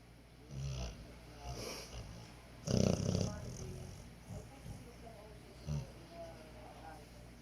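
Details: Dog snoring during an afternoon nap: irregular soft snorting snores with one louder rattling breath.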